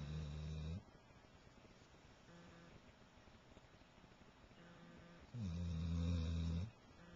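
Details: Chocolate Labrador dog sleeping, with loud, low, rumbling snores recurring between quiet breaths; loud dog snoring.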